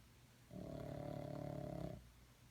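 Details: Snoring pet Seamus sleeping in the afternoon: one low, rumbling, vibrating snore about a second and a half, quiet before and after.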